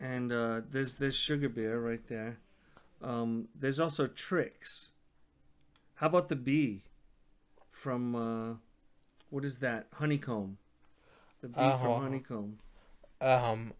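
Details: Adult man speaking; ordinary speech.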